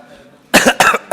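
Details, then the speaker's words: Two quick throat-clearing coughs from an adult man who notices his voice is hoarse while opening a speech, in a room. "Wah, suasana suara saya serak rupanya."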